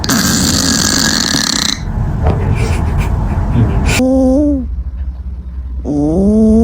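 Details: Snoring and snorting from sleeping cats, ranging from tiny snores to loud, unexpected snorts.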